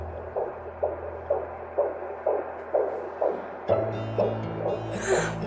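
Regular whooshing beats at about 125 a minute, then music comes in: an unborn baby's heartbeat played on a monitor in a TV drama.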